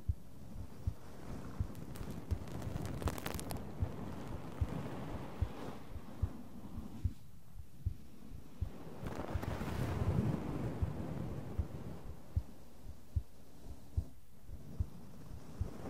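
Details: ASMR recording of a heartbeat: regular soft low thumps at about 74 per minute under brushing and tapping noise, with the brushing and tapping played in the other ear; normal heartbeat.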